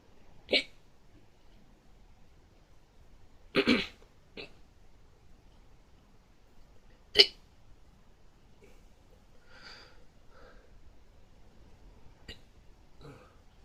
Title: hiccups fast 2